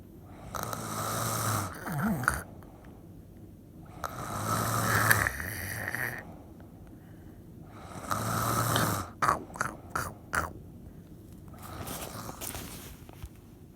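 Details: Snoring: three long, loud rattling snores on the in-breath, each followed by quiet out-breaths and a few short snorts.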